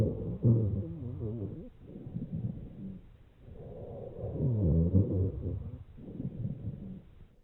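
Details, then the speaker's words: Low-pitched, snoring, rumbling sounds across breaths through a stethoscope over the thorax: rhonchi, from secretions in the large airways as in bronchitis. "secretions in large Airways as seen in bronchitis foreign"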